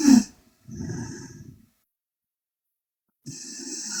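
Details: Korean girl asleep: loud, rough, rattling breath sounds with a long silent gap between; loud snoring.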